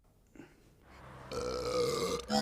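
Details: A long, loud, rumbling belch builds up and ends abruptly, with faint room noise: a big burp.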